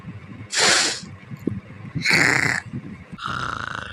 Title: Fraggle rocks snoring and purring